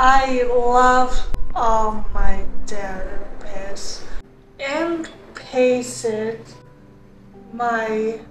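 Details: Young woman who had multiple strokes at age 25 in 2021, with limited use of her right side, after outpatient rehabilitation; aphasia and apraxia of speech.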